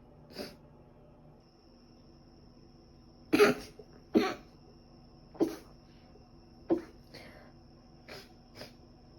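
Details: Sneezing probably from dust allergy, with a recent cold causing ongoing cough and runny nose: about seven short, sharp bursts of air separated by quiet pauses; repeated sneezing.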